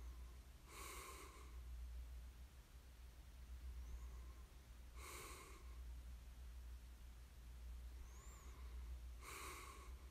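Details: Snoring ASMR recording of a sleeper: three slow, noisy, breathy snorts about every four seconds over a steady low room hum, soft snoring.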